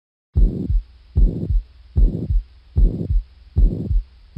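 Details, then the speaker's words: Mitral/tricuspid regurgitation: a steady heartbeat near 75/min with a subtle, high-pitched blowing holosystolic murmur continuous from S1 to S2, best heard on headphones. "when your headphones are on this is going to be hollow systolic high pitched blowing and continuous from s1 to s2 so put your headphones on and listen because this is what mitral and tricuspid regurgitation sound like"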